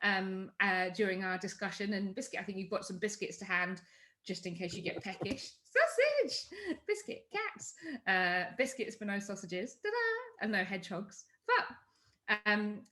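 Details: Vocal tics from Tourette syndrome in an adult woman: involuntary words like 'biscuit', 'hedgehog', 'sausage' and 'cats' interrupt her speech. She also has motor tics, including chest banging.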